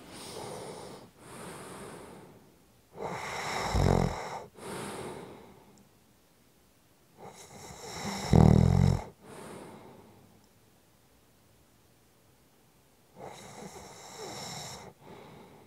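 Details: Repeated rough, rumbling inhalations with breathy exhalations, about three breaths in fifteen seconds, some with a loud snort; ordinary snoring.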